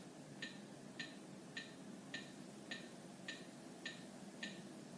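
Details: Steady clicks at about 105 a minute over a quiet hiss, pacing chest compressions at 30 compressions to 2 breaths during simulated CPR after an AED shock was delivered.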